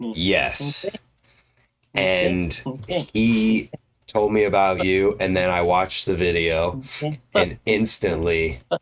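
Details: Adult male speaker; typical speech.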